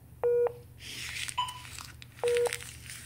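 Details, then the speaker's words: Philips Efficia DFM100 defibrillator alert tones, two short beeps with a higher chirp between, signalling a printer out-of-paper error caused by the wrong type of paper being loaded. "Pero, i-error niya yan. Ayan. Guys, ayan guys, out of paper na naman siya."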